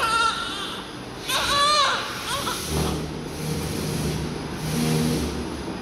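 Short, high, strong newborn cries with clear tone, then steady engine-like rumble in the background. A normal, vigorous newborn cry.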